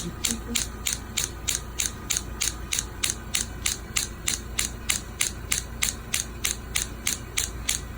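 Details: Radial extracorporeal shockwave therapy for heel pain in a podiatry clinic: steady, evenly spaced sharp clicking pulses, about 3 per second, over low hum; applied with gel, roughly seven-minute procedure, energy adjustable.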